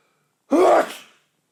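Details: Man with a tickly nose giving a single loud, explosive sneeze with a sharp burst of air that fades quickly, followed by more sneezes.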